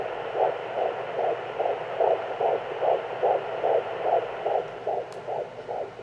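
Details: Fetal heartbeat on Doppler at 14 weeks of pregnancy: rapid, regular whooshing pulses at about 146 a minute.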